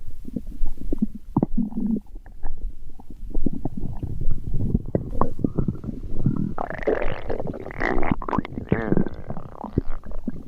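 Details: Stomach growling: loud, continuous gurgling and bubbling belly rumbles with squeaky higher gurgles toward the end; ordinary bowel sounds (borborygmi).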